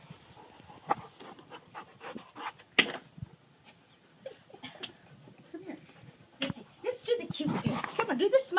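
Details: Rapid, uneven panting from an old dog, about three breaths a second, with a whimper and some background talk.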